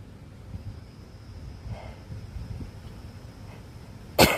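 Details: Sick person resting outdoors, tent life in the Australian bush: quiet background, then one short, abrupt explosive burst at the very end, cough or sneeze.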